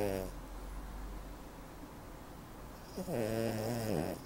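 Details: Loud snoring from a 7-year-old ruby Cavalier King Charles spaniel weighing 7 kg, with a sharp rasping snore at the start and another at the end and quiet breathing in between.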